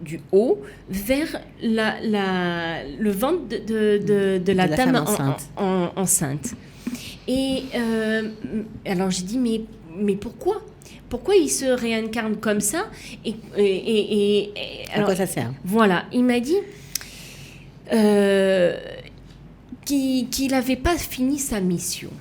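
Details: Aphasia in a woman, persisting after an accident with cardiac arrest requiring defibrillation and coma, with right-sided hemiplegia; for years she could not place her tongue correctly, and she spent 7 years relearning to walk and speak.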